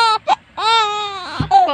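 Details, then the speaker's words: Loud, high-pitched infant girl crying in repeated wails with short gasps, from pain in her thighs after rotavirus and pneumonia vaccine injections; cries whenever her thigh is touched or brushed; infant cry. "bawat hawak mo sa may hita niya o kaya kahit masagi man lang hindi niya na matigil ang kakaiyak"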